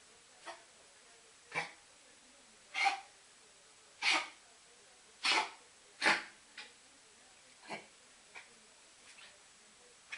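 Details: Dog having a paroxysmal fit of about ten harsh, dry coughs that build then fade; the fits recur every few weeks, worsen before walks or meals, stop on walks, and resolve on their own; owner suspects nerves.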